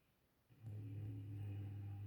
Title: Snoring dogs (sound up!)